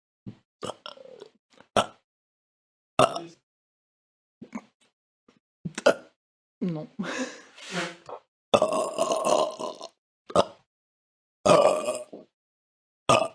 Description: Large compilation of burps. Use for YouTube videos or pranks!